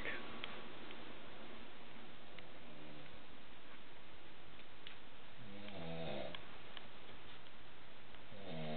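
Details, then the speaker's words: Adult wife who never snored until starting in the last week: loud, deep, rattling, bear-like snores every few seconds during sleep over steady room noise, heard around 12:10 am and keeping her husband awake. "well there you have it loud as bear keeping me up"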